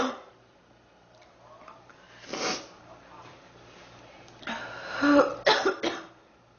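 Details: Girl sick for about 3 weeks, feeling hot and unwell: a few harsh coughs and throat clearing in a quiet room; persistent cough from a lingering illness.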